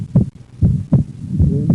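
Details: Split second heart sound (right bundle branch block).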